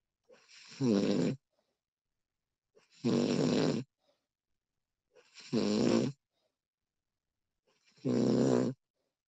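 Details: Woman snoring, recorded with professional audio: four loud, rough snores on inhaling, about every two and a half seconds, roughly 24 a minute, with quiet gaps between.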